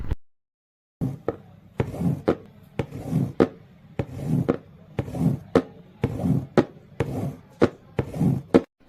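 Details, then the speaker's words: Imitation made with a cardboard box of the mid-diastolic murmur of mitral stenosis: sharp taps with a low rumble building before each loud beat. "mid diastolic murmur in mital"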